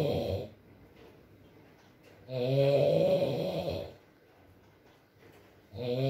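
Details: Adult man (boyfriend) snoring during sleep, with long droning snores on each breath separated by quiet pauses and faint rain in the background.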